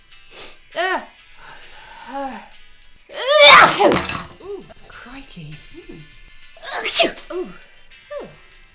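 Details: A loud, sharp sneeze burst from a woman with hay fever, a second sneeze later, over background music and voices in a comedy sketch; sneezing.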